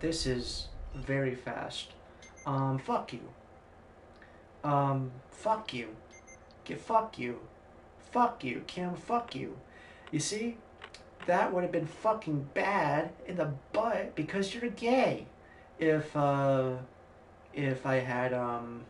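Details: Male streamer who says he has Tourette's syndrome, described as severe coprolalia; a burst of obscene vocal tics during speech; coprolalia (vocal tics in Tourette syndrome).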